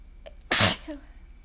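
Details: Sneeze during a person's allergy-attack sneezing fit that grows more forceful and congested: a soft catch of breath, then one sharp, explosive sneeze with a brief trailing exhale.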